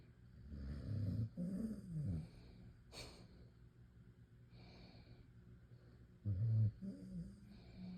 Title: Snoring Dog